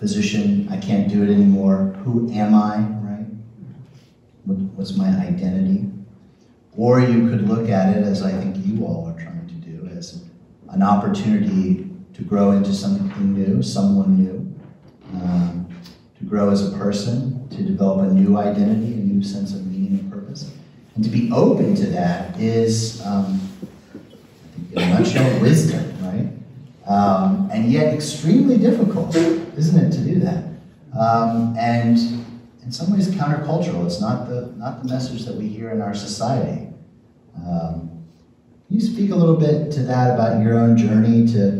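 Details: Adult man speaking; normal speech.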